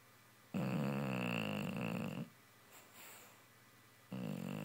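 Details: Dog named Meatball snoring while asleep and dreaming: loud, rough, buzzing breath noises with quiet pauses between.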